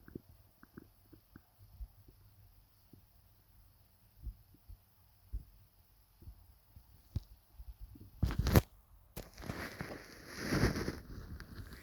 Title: Upset Stomach Noises